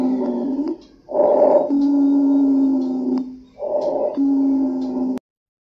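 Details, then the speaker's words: Wheeze from airways narrowed as in bronchial asthma, COPD or bronchitis: musical, whistling sound through two breaths, longest on breathing out. "దాని వల్ల శ్వాస తీసుకొని వదిలేటప్పుడు ఒక peculiar sound వినపడుతూ ఉంటుందండి దాన్ని వీజ అంటాము లేదా పిల్లితలు అంటాము ఆ శబ్దాన్ని మీరు ఇప్పుడు వినొచ్చు"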